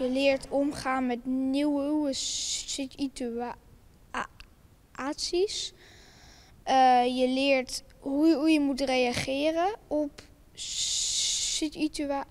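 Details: Primary-school child who stutters, attending a camp for children who stutter; stuttering.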